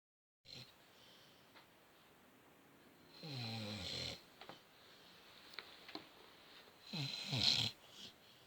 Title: Snoring dog